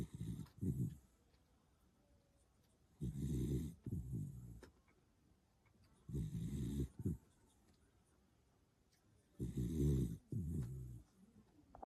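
Rhythmic low rattling snores, about one every three seconds, each with a short double burst, typical of snoring.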